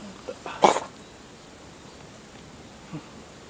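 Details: Siamese cat giving an odd "guhihi"-sounding sneeze: a single short, explosive sneeze with a snorting quality, followed by a faint small sound; sneeze.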